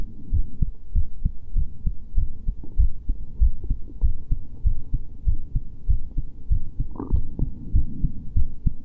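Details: Steady, regular low thumping heartbeat at roughly 95 to 100 beats a minute over a low background hum; heartbeat.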